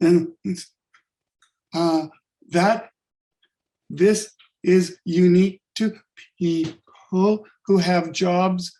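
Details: Adult-onset stuttering in a man with functional neurological disorder (FND), sudden onset five years ago on waking unable to speak with up to 20 seizures daily; speech regained but not fluency.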